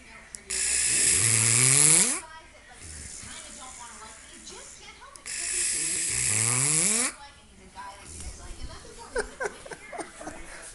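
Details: Man snoring loudly, described as like a pig, who has been snoring for an hour straight: two loud, rattling snores with long, harsh breath noise, about 12 a minute, then quieter breathing.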